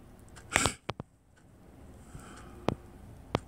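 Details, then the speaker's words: Imitated rapid fearful gasp for a behavioural breathing challenge, one of three sharp, sudden inward gasps, followed by quiet clicks. "do the following practice take three rabbit fearful gasps like this"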